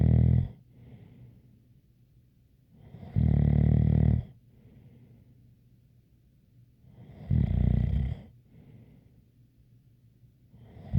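Deep, rattling snores on each breath in, about 15 a minute, with quieter breaths out and a slight whistle: snoring.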